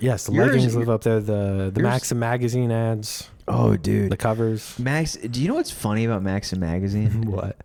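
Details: Adult male speaker (podcast); normal speech.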